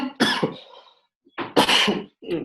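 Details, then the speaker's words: Lecturer with a slightly sore throat coughing during a talk: two short, harsh cough bursts, each a quick double hack, in a quiet room. "Perdón, me van a escuchar toser un poco porque ando un poquito mal de la garganta."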